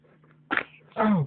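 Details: A tiny baby boy who had hiccups gives a single short, explosive sneeze followed by a brief voiced whimper.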